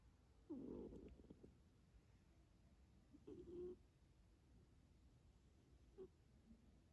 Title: Have you seen Cat snoring like a man 😵😵